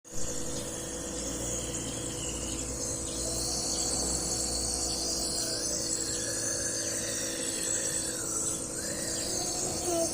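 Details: Nebulization for cough: steady motor hum with a constant airy hiss of a running nebulizer.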